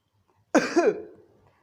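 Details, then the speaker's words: An adult imitates one isolated cough, a single sharp burst with a brief voiced tail, where one cough brings brief relief; single cough. "मतलब एक बार में खांसी तो है उसे, लेकिन एक ही बार खांसने से उसको थोड़ी देर के लिए आराम मिल जाता है।"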